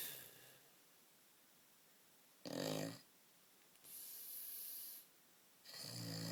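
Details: Sleeping, dribbling man snoring loudly on two in-breaths, with a hissing out-breath between them.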